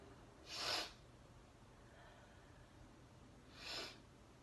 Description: Sneezing a lot while sniffing chinnikni powder